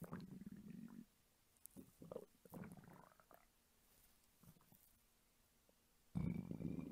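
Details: Soft low gurgles and rumbles recorded close up from a hungry adult woman's belly for ASMR, with quiet stretches between; normal hunger stomach rumbling (borborygmi).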